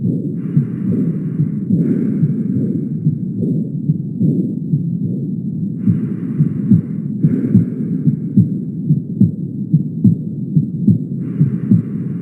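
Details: Aortic regurgitation murmur: regular heartbeat about 72 a minute with a soft, low, fading diastolic murmur after the second sound. Heard at the aortic focus and louder at Erb's point, with intermittent background hiss.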